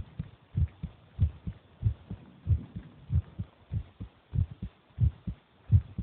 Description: that is the heartbeat of my brother while he eats